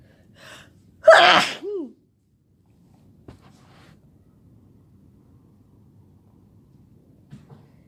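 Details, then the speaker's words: Sneeze of a sick person who has been sneezing all day with a headache: a soft inhale, then one loud explosive sneeze with a voiced tail, followed by quiet. "Oh God, my head hurts. I've been sneezing all day. Oh my God."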